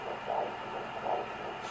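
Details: Fetal Doppler in early pregnancy (8+ weeks): soft rhythmic whooshing pulses over steady Doppler hiss; fetal heartbeat mixed with another sound.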